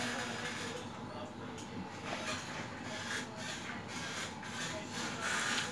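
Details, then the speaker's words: Syringe pump motor giving quiet, fast, uneven whirring and ticking as it automatically delivers a 2 ml bolus on a B Braun syringe pump, pressed via the bolus button during a continuous infusion; bolus drug delivery. "So now bolus is delivering automatically, it's provide you the accurate amount of bolus administration."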